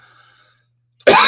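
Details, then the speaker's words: Single abrupt, harsh adult cough after a quiet pause; lingering dry post-viral cough that does nothing, with a scratchy throat and coughing jags in the middle of the night, eased with lozenges and honey. "the thing about this cough it doesn't do anything it's just there then it gets scratchy and i'll go to a coughing jag in the middle of the night"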